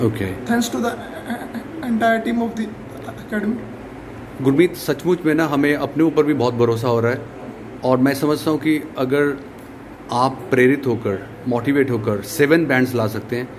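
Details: Adult man speaking; ordinary speech.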